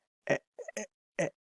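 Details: Demonstration of a block, a stuttering disfluency type treated differently from repetitions: airflow is blocked, giving a pause before the word comes out. Stuttering block.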